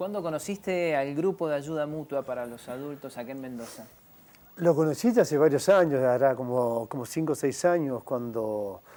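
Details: Adult male speakers, interview; typical speech.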